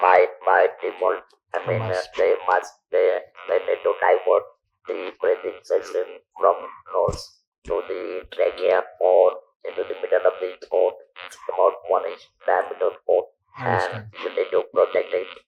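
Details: Male survivor of stage 4 vocal cord (throat) cancer since 1997, natural voice lost after surgery, about 10,000 days since; speaks using an electrolarynx device; electrolarynx speech.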